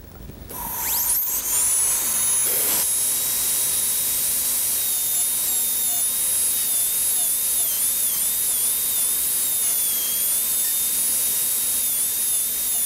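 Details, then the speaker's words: Steady high-pitched dental drill whine with small pitch dips as a torpedo-shaped diamond removes about 0.5 mm of lingual enamel from the maxillary right central incisor, preparing a three-unit anterior bridge for congenitally missing lateral incisors. "It is a small torpedo-shaped diamond that is used for reducing the lingual surface. And by carefully rolling this along the lingual surface… about a half millimeter of this lingual enamel can be removed."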